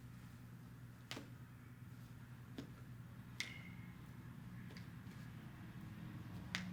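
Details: Chiropractic adjustment of the toes of a female patient during a full-body joint-cracking demonstration: about six sharp, brief pops over several seconds as small foot joints are manipulated, joint cavitation (joint popping).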